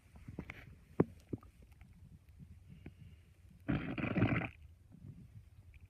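Quiet room, then a loud gurgling rumble lasting about a second: stomach growling, an ordinary digestive sound.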